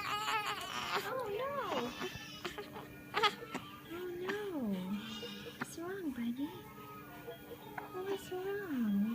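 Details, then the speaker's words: A 3-week-2-day-old newborn boy in hospital with hiccups cries in short, high-pitched wailing bursts with falling pitch, separated by pauses and brief sharp catches; infant crying. "Oh no. Everett has the hiccups. I didn't know he was going to be sad. Oh no."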